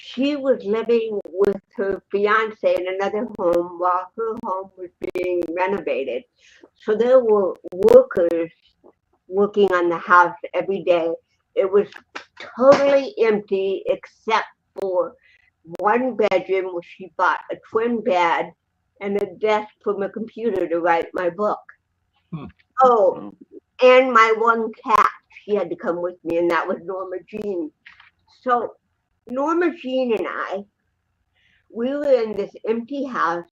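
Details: Woman born with cerebral palsy in 1956, speaking in an interview. Finding: dysarthria (cerebral palsy).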